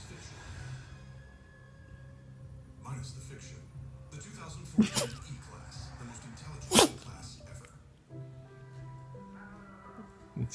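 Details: Puppy with a possibly itchy nose, allergies possibly mentioned: two sharp, explosive honking sneezes, with music and talk in the background; sneezing.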